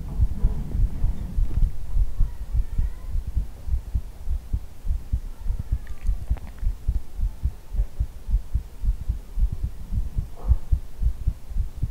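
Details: ASMR heartbeat recording made to sound like hugging the listener's head: steady, low thumping heartbeat at about 100 beats a minute, with faint rustling in the background.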